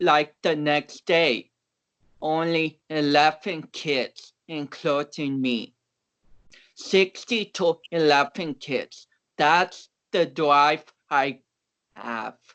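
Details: About 29-year-old male powerlifter with cerebral palsy whom doctors had not expected to walk or talk; real conversational speech showing dysarthric speech in cerebral palsy.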